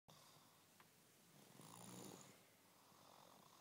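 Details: 18-month-old child snoring badly, like an adult: one soft, rumbling snore on inhaling over a hissing background.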